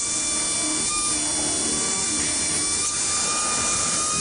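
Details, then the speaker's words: Steady high-pitched dental drill whine with room noise, grinding out the silver filling from a root-canal-treated tooth before a metal-free crown; dental drill. "This tooth has had a root canal. We're going to remove all of the silver."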